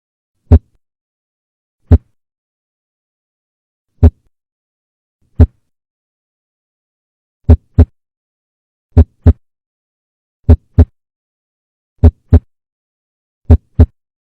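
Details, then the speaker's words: Normal heart sounds: S1 from tricuspid and mitral valve closure and S2 from aortic and pulmonic valve closure, each heard as a single sound. Clean low thumps, single beats then crisp lub-dub pairs. "และเสียงที่2เกิดจากการปิดโตของaorticvalveและpulmonicvalveเช่นเดียวกับเสียงที่1เนื่องจากมันปิดโตพร้อมๆกันพวกเขาจึงได้ยินเป็นเสียงเดียว"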